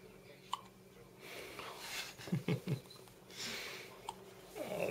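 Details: Infant hiccups: several short, abrupt low bursts at irregular intervals in a quiet room.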